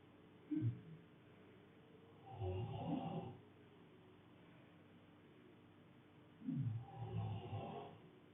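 Two deep, rattling snores about four seconds apart, each a brief snort followed by a longer rumbling breath; typical snoring in sleep.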